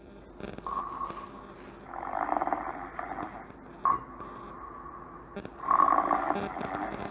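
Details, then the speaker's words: Recorded snoring sound effect played in a Grade 9 English class: two loud, rough, fluttering breaths in seven seconds, typical of snoring during sleep. "So children, can you hear that noise? Yes, so that's the sound of a snore."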